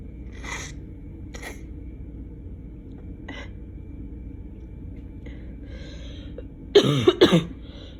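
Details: A few faint breathy bursts, then two sharp loud explosive sneezes or coughs close together, in an adult with a summer cold, possibly also allergies.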